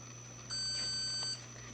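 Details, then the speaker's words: Handheld reusable Thermocoagulator for cervical lesion thermocoagulation, product demonstration: one steady high beep of just under a second over low electrical hum, the final beep signalling the procedure is done; thermocoagulator end-of-procedure beep. "final beep indicated that you're done with the procedure"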